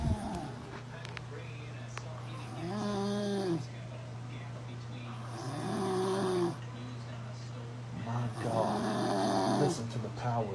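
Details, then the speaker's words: Man asleep at home snoring loudly: deep, rumbling snores at about 19 per minute over a steady low hum of room noise. "the power of that air. I believe he done sucked in an acorn or something."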